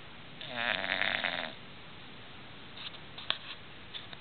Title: English Bulldogs snoring away